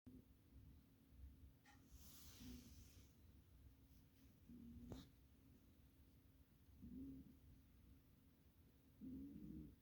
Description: He must have been sleeping really good. He is usually snoring when he sleeps. :)